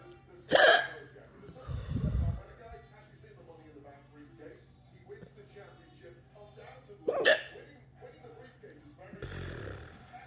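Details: Two sharp, abrupt hiccups several seconds apart, with lower gulping sounds between and faint background music.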